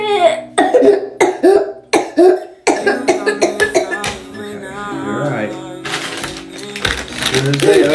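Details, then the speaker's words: Child's horrible cough, heard while the child struggles to breathe, has a sore throat and is unwell, awaiting a pediatrician appointment. "you got a horrible cough I'm got to wait till the um pediatrician opens up and I'll call and get you a doctor's appointment okay"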